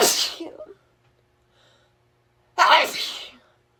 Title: Girl sneezing in tank top